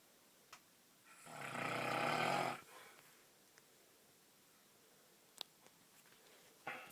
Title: Snoring